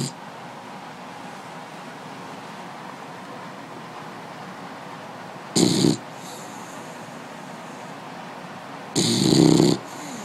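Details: Two short, rough snoring breaths several seconds apart from a sleeping dog against quiet room noise.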